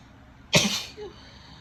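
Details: Female with a tickly, sneezy nose from cold weather: a single sharp, hissing sneeze with a brief breathy tail in a quiet room; sneezing.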